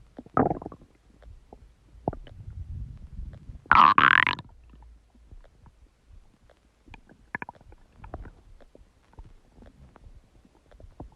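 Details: Huge stomach gurgling: loud irregular belly gurgling and rumbling with a brief louder squelching burst and scattered small pops, borborygmi.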